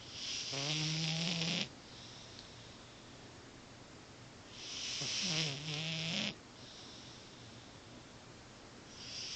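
Two long, rattling, buzzy breaths about five seconds apart, the pattern of a cat snoring.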